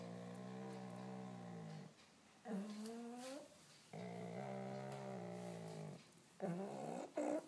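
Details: Pug, awake and not sleeping, with stertor: loud, rumbling, snore-like breaths.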